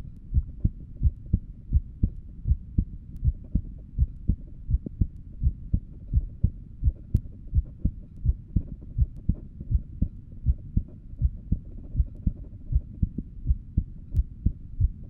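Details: Heartbeat recorded while lying down at rest: steady low paired lub-dub thumps at about 85 beats a minute with a soft hum between; an ordinary resting heartbeat.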